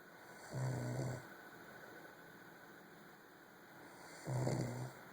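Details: A sleeper snoring late at night: two low, rattling breaths about four seconds apart over steady room hum, roughly 15 breaths per minute; snoring.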